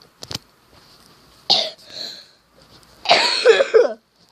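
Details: Person who says they have been coughing a lot gives a few sharp coughs, then a longer, harsh coughing burst with a throat-clearing quality; repeated cough.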